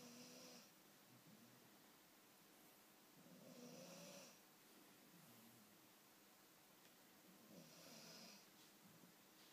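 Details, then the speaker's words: Scottish terrier napping on its owner's knee, snoring loudly in regular cycles, about 16 snores a minute. "Oh, are you snoring? Are you sleepy snoring?"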